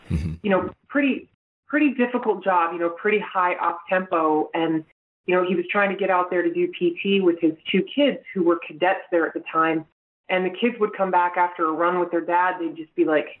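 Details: Adult woman speaking; normal speech.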